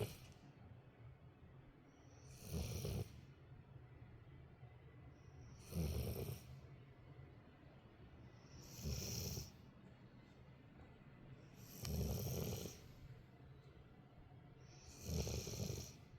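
Slow, regular rumbling snores about every three seconds, roughly 19 a minute, from a sleeping dog; snoring.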